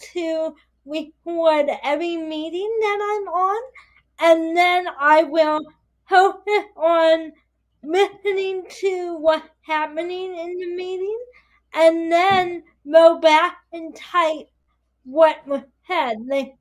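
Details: Dysarthria in a 22-year-old woman with spastic quadriplegic cerebral palsy affecting her whole body, including her speech; her right side is impaired, she uses a walker or wheelchair and needs help with daily tasks.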